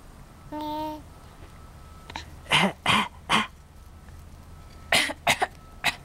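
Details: Four-month-old girl fake-coughing on cue after teaching herself: a short vocal coo, then two groups of brief, light, voluntary cough-like bursts.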